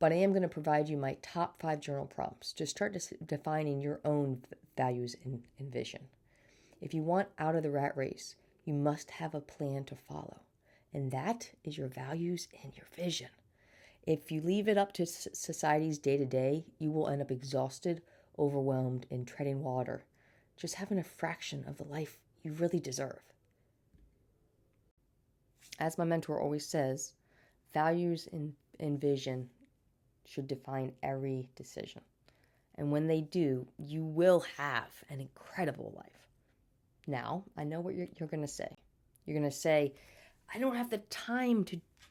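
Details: Adult woman with a stutter since birth, speech therapy throughout childhood, still stuttering day to day and getting stuck on words; audible repetitions: stuttering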